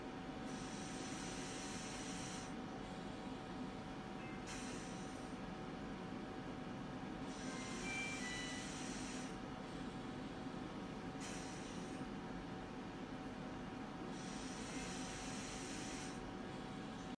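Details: Biyovent mechanical ventilator running with steady motor hum and rhythmic airy hiss about 16 times a minute; ventilator operating sound.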